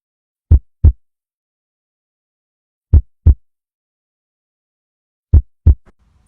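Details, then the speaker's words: Slow, clear lub-dub heartbeats at about 25 beats a minute heard by stethoscope, demonstrating bradycardia (slow heart rate). "Así se escucha una bradicardia o un corazón lento."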